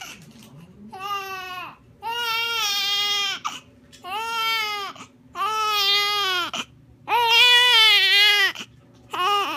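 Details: Five loud, sustained, high-pitched cry bursts separated by short breaths; vigorous infant crying.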